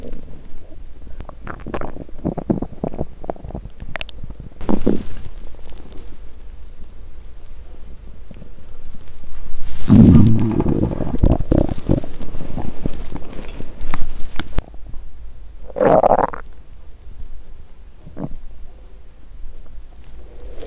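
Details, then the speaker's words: Hungry woman during a 7-day fast, with construction noise nearby: low gurgling and rumbling from the abdomen with a loud surge in the middle, active hunger bowel sounds. "เอ๊ะ!ฉันได้ยินเสียงก่อสร้างดังมาจากท้องของฉัน!""ท้องของฉันเลียนเสียงการก่อสร้างหรือเปล่า"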